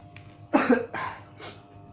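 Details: Own child with cough and runny nose, blamed on frequently drinking cold drinks: two to three short coughs fading in strength; cough.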